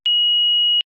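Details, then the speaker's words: Single steady high-pitched beep under a second: power-on tone of a Philips HeartStart FRx AED after pressing the green on-off button, with infant-child key inserted, in a product demonstration. "To start the defibrillator, press the green on-off button and follow the HeartStart FRx's voice instructions."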